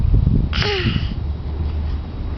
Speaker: was a half a sneeze God bless you God bless you